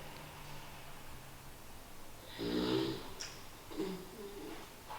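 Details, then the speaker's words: A sleeping dog snores in a quiet room, with two rough, rumbling snores on the breaths about a second apart; ordinary snoring. "that's milo snoring away"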